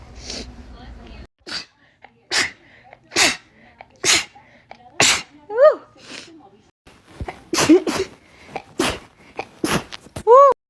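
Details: Compilation of rapid sneezing: about ten quick, sharp sneezes in a row over ten seconds, with brief squeaky voiced sounds between them.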